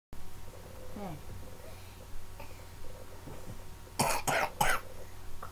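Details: 5-year-old boy imitating a cough: three short imitated coughs after some quiet vocal sounds in a small room.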